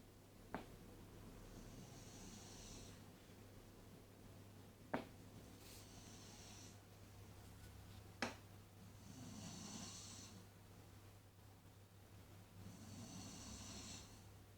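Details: Soft rhythmic snoring with a faint whistling edge, about one breath every three to four seconds, over low room hum.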